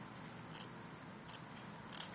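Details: Hand scaler removing supragingival calculus from lower anterior teeth, surfaces away, operator at 12 o'clock, facial and lingual approaches: three brief, faint high-pitched scraping strokes against quiet room noise.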